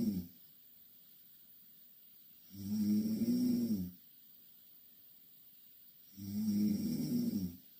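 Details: Two young Korean women asleep in the same bed; two loud, rumbling inspiratory snores, each about 1.5 seconds, separated by quiet exhalation at roughly 16 breaths a minute: snoring.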